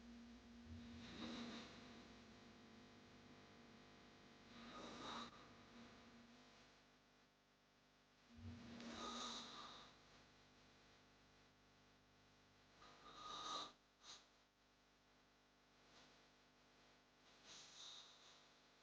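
Loud rattling inhaled snores about every four seconds, roughly 14 a minute, with quiet gaps between; heavy snoring from a sound-effect recording.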